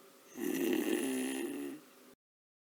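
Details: Sped-up animated cartoon soundtrack: a single long, buzzing, vibrating snore lasting over a second as the character Peter snores loudly at night, keeping Daniel awake; snoring.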